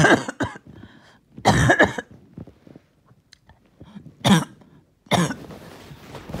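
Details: The first coughing fit of the day: several harsh, forceful cough bursts with throat clearing between, as an adult struggles to bring up mucus; coughing fit.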